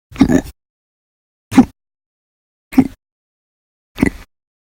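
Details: Hiccups: four abrupt, short voiced gulps at a steady pace of about 48 a minute, with silence between them.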